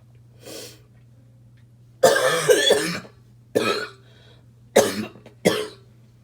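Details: Four harsh, forceful coughs, some doubled, over a steady hum: a rough barking cough in a smoker, who says the cough chokes them.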